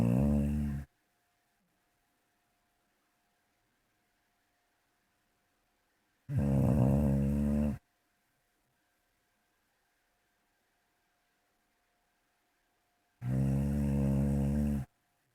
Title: Jebus Snoring 3